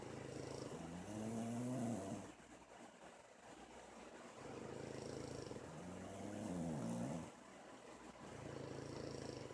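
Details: Pugs snoring while asleep in a dark room: steady rhythmic rumbling snores with buzzing, whistling breaths about every four to five seconds, over a constant background hum.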